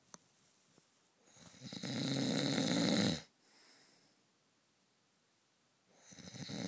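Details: Night-time snoring of a heavy sleeper: a loud, harsh, rattling snore on the in-breath, then quiet, with snores recurring about 13 breaths a minute.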